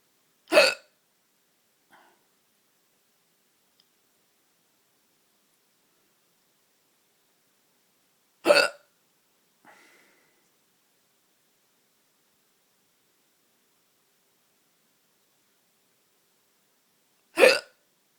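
Three sharp, abrupt hiccups spaced about eight to nine seconds apart in a quiet room, with faint breaths between.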